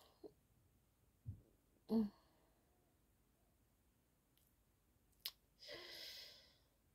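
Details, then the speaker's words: Adult woman with a cough and a hoarse voice she calls "grandmother's voice", coughing while speaking. "Désolée pour ma voix de grand-mère. J'ai toujours la toux qui est partie."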